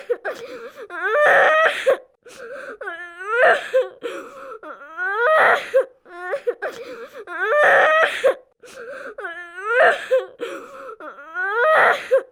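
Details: Simulation of a 5-year-old boy, improperly restrained in a high-speed car crash, alert and crying with a right-sided head hematoma, heart rate 140, SpO2 99%. Loud rhythmic acted wailing cries with breaths between.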